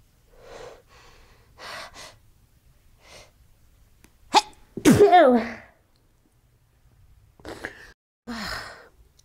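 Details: Morning sneezing fit on waking: soft breaths building, two sharp explosive sneezes in quick succession, a further sneeze after a pause; sneezer says they can't stop.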